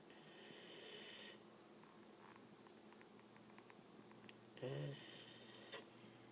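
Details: Snoring puppy: snoring likened to Darth Vader.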